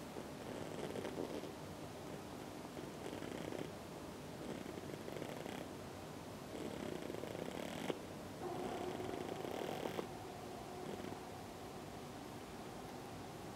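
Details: Resting pigeon making a snoring-like noise: soft, rough, rattling breathing sounds in repeated bursts with a faint purr-like quality.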